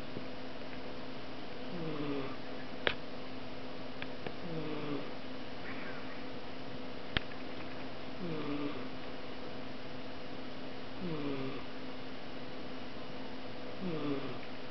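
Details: Soft, squeaky snoring from a sleeping female British Shorthair cat, repeating roughly every three seconds over a steady room hum.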